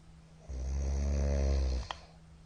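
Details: Middle-aged man snoring very loudly in sleep: one long, loud, rattling inspiratory snore lasting over a second, in a quiet room.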